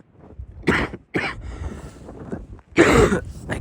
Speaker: I apologize for the cough in this video. If you can hear me, I'm very sorry.